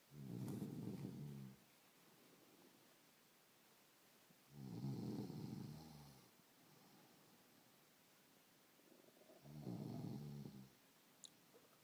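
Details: Stacey snoring: three loud, rattling snores on the in-breath, roughly every five seconds, about 12 breaths a minute, with quiet pauses between.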